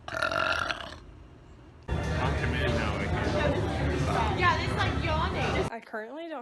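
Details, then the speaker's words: Person attempting to burp on command, with no fizzy drink, by drinking water and sucking in air; describes self as particularly gassy. A long, rumbling, voiced belch over background chatter and music, then brief vocal sounds. "don't have anything fizzy, so I'm gonna try to make myself burp using water. Just gonna suck in a lot of air."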